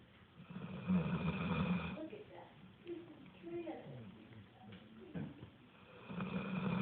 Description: my stepsons dog cam over for a visit and decided to take a nap and i caught this big puppy snoring